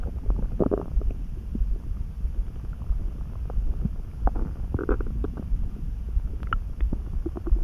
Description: I felt it rumbling all of a sudden. I wasn’t really hungry nor was I too full, so I’m not sure why or how my stomach’s being so talkative today.